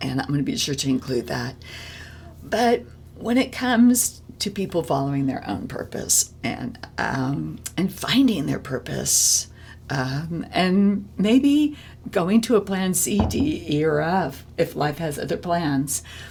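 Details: Adult woman with spasmodic dysphonia, a vocal cord disorder in which the vocal cord muscles spasm; spasmodic dysphonia.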